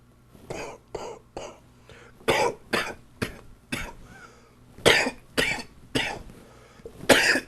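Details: An adult with a chest cold gives a run of about a dozen short, harsh coughs in quick succession.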